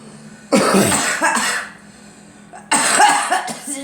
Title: Girl coughing